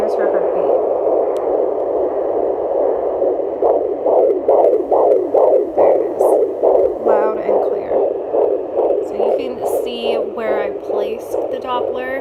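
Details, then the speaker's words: Fetal heartbeat at around 20 weeks of pregnancy, heard at home on a handheld FIGERM JPD-100S6 fetal Doppler: rapid, regular galloping whoosh at about 140 beats a minute with steady background hiss. "that's how you listen to your baby's heart rate at around 20 weeks on a fetal toddler"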